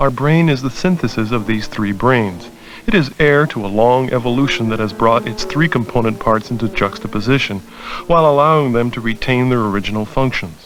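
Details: Adult male narrator; ordinary speech.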